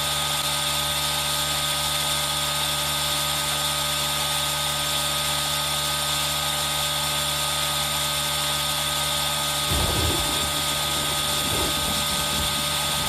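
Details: Aerosol nebulizer running: steady mechanical hiss and whine, with soft added rain sound in the background; relaxation ASMR recording made with a Zoom H1n recorder.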